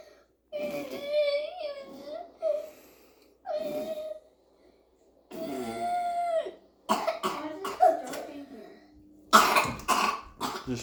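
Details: A child's coughing fit on first waking up: repeated coughs and strained, whimpering breaths, with an adult speaking softly and comforting her in a quiet room.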